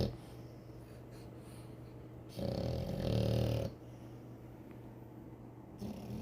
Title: frenchie snoring. #frenchiebulldog #puppy #dog #frenchbully #cutepuppy #bulldog #pet #frenchielife